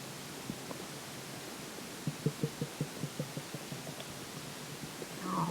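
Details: Stomach growling: soft rapid series of low bubbling pops and gurgles against faint hiss; borborygmi from gas and fluid moving through the gut.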